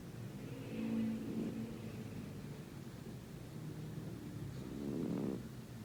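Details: Cat who has snored for at least 9 years, loud enough to wake the owner, snoring while asleep: low, soft rumbling snores with a purr-like undertone, two louder breaths about four seconds apart.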